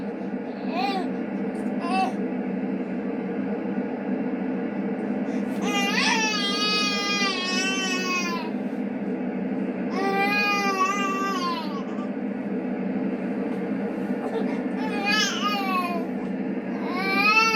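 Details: Baby boy fussing when put to bed: short rising and falling whiny cries with pauses over room hum, likened to a whining kitten; normal infant bedtime fussing, poor-quality recording.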